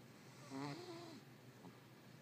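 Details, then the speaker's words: Cat snoring loudly while asleep: one soft, throaty snore with a slight whistle, then quiet room noise. "Hey! You're snoring."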